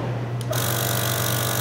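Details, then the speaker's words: Portable EMT suction unit with one-way filter and suction tubing, switched on before checking 200 mmHg suction pressure for airway suctioning: steady loud motor hum and whir running continuously. "The inside goes to the suction unit. You then select your tubing, your suction tubing, and it plugs in to your suction device. Turn your power"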